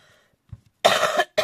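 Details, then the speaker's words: Adult coughing in a household where everyone is somewhat ill: a loud, harsh cough burst, followed by the start of a second cough. "hop vous avez entendu tousser c'est bisou on est tous plus ou moins malade à la maison"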